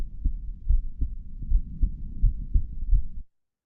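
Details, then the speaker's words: Reference recording from a typical digital stethoscope: clear, regular, low heart sounds, about 8 beats in 3 seconds, normal heart sounds, played for comparison with an earbud recording from the ear canal. "I'm going to play a recording of what the sound um sounds like from a typical digital stethoscope here very clear heartbeat sounds"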